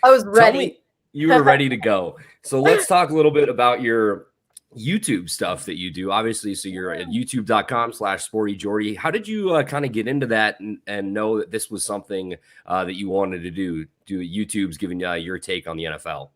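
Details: Adult male speaker, podcast interview; Normal fluent speech.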